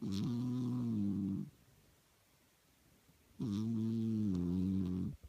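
Two long, low, buzzing tones on breaths about four seconds apart, with quiet between them: snoring.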